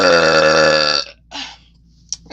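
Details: Woman deliberately burping into a new microphone: one loud, long, voiced belch of about a second, followed by a breath; burping.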